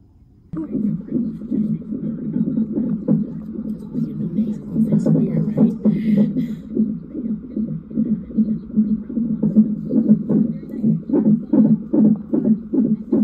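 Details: Rapid rhythmic whooshing pulses, about 150 a minute, from a hospital labor monitor on a mother in labor with days of consistent painful contractions: fetal heartbeat in the normal range.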